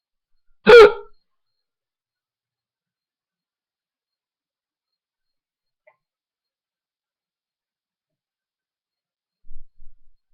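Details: Loud hiccups in a person: a single sharp, voiced hiccup in a quiet room, followed by faint soft sounds.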